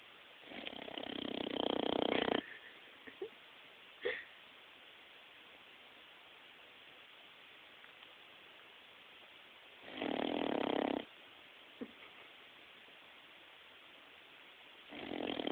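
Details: Boxer puppy snoring while asleep: soft, airy snoring breaths every five to eight seconds with quiet pauses between them.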